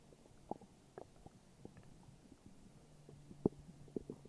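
Quiet gurgles and brief low rumbling from the belly over a few seconds: ordinary stomach growling, harmless bowel sounds.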